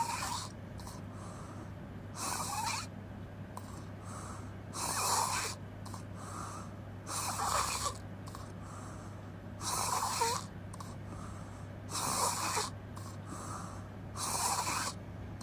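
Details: Loud, rough, open-mouth snoring at about 24 breaths a minute, with puffing exhalations between snores.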